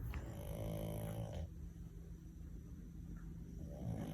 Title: Funny French Bulldogs - Snoring Compilation